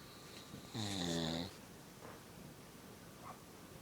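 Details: Father in deep sleep while kids play: one buzzy, rattling snore under a second long, with faint room noise.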